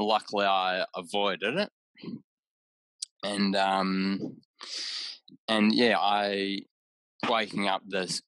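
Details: Aphasia in an adult man about six years after a haemorrhagic stroke caused by an AVM at age 34, with right-sided deficits, word-finding difficulty and mixing up of similar objects.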